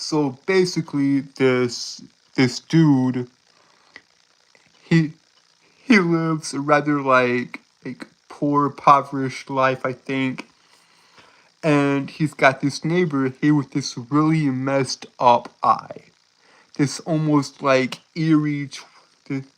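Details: Male streamer who says he has a speech impediment causing him to stutter and trip over his words at any point; stuttering.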